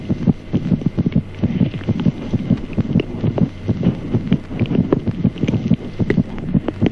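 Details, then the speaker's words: Fetal heart sounds, rapid and soft at about 130-140 a minute, with the maternal pulse heard beneath as a faint, slower, soft systolic whoosh; teaching recording of normal auscultation at different ages. "ruidos cardíacos fetales además pulso materno como un suave soplo sistólico"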